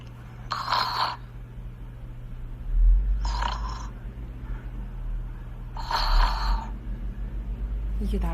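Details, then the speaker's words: Sister's nightly snoring secretly recorded by her brother: three loud, rough snores about every three seconds, roughly 18 a minute, over a steady low hum; snoring during sleep. "누나 진짜 잠잘 때마다 너무 진짜 코골이가 이게 내 심해가지고."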